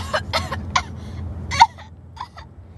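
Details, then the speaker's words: An adult fakes a run of about five harsh coughs for a comedy spoof advert for a cough-remedy gum; the cough is acted, not real. "do you have a nasty cough"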